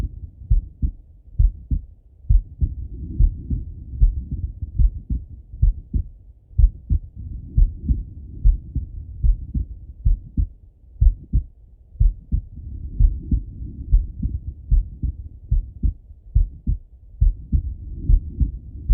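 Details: Male lying on his left side, heard through a stethoscope: steady paired thumps, about 80 a minute, with a soft low rumble of breathing and body noise between beats; heartbeat.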